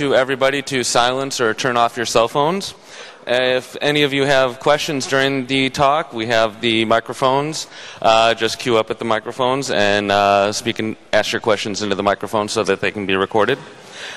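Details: Adult male speaker; normal voice.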